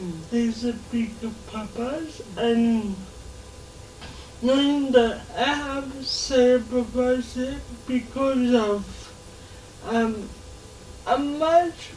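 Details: Adult woman with lifelong cerebral palsy affecting her speech; dysarthria (cerebral palsy).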